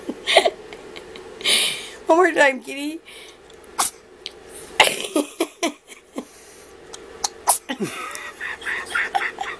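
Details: Female kitten having her nose rubbed by her owner: several small, sharp sneezes with a brief vocal sound and quiet pauses between them; repeated sneezing.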